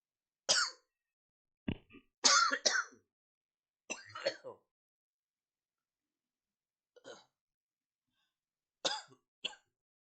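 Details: Vocal coughing tics in Tourette syndrome on a normal day with tics, after holding tics in at work: short, sharp cough and throat-clearing bursts in irregular clusters with quiet gaps.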